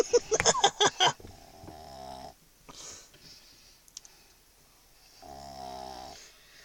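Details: A chug (chihuahua-pug mix) dog asleep with her head stuck in the owner's pocket, snoring loudly: a burst of sharp noises, then two drawn-out buzzing, vibrating snores a few seconds apart.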